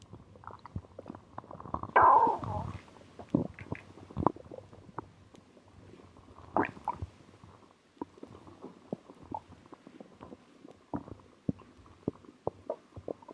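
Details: Soft gurgles and scattered bubbly pops, with one louder rumble early on, after drinking cola; stomach growling, bowel sounds.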